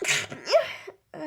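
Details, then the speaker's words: A short, voiced sneeze with a rising cry-like cry and a following breath, from a woman having a sneezing attack while talking; she wonders if she is sick, and the sneezing hurts her throat. "I'm going to sneeze I'm going to sneeze I'm going to sneeze in their tongue is doing Dragon Balls I literally just sneezed all over my legs"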